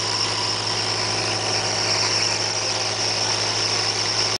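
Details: Thomas Medi Pump nebulizer compressor running: steady motor hum with a constant airy hiss and faint whine throughout.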